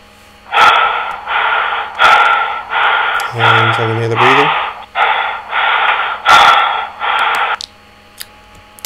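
Simulated rapid, harsh, noisy breathing in quick repeated cycles from a virtual trauma patient.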